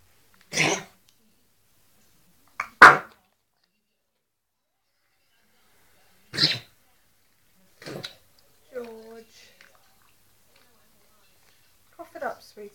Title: george the pug has kennel cough and a cold